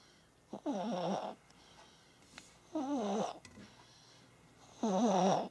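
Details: Baby snoring: three short voiced snoring sounds with quiet breathing between, about 29 breaths a minute, in a quiet room.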